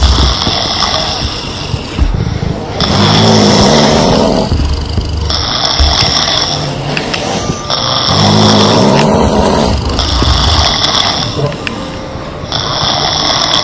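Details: Heavy snoring from five sleepers, sisters and their mother, recorded during a nap: loud, overlapping, rasping snores rising and falling every few seconds.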